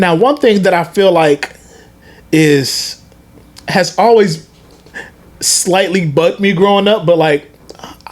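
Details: Adult speaker; stuttering.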